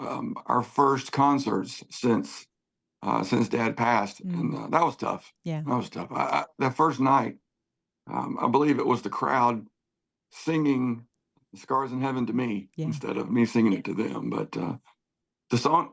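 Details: Adult male singer with spasmodic dysphonia, worse when talking than singing, voice goes gravelly at times, sees a voice therapist before concerts, prior cancer diagnosis and treatment; spasmodic dysphonia.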